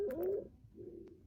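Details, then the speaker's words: Patient simulator (mannequin) with lip cyanosis breathing at 35 a minute, wheezes in the lungs: brief high-pitched cooing whistle on breathing, a mild stridor from a narrowed upper airway. "Vous allez entendre, elle a un petit stridor."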